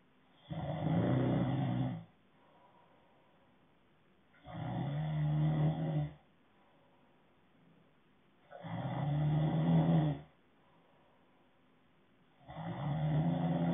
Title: Snoring ASMR